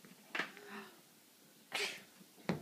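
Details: A child practicing sneezing nicely into a hankie: two short, sharp sneezes in a small room.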